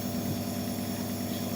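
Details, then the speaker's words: Infant on second day of nebulizer treatment for cough and runny nose, to thin mucus: steady low mechanical hum of the nebulizer compressor running. "hari ini Mas Alfa lagi nebul Karena batuk pilek."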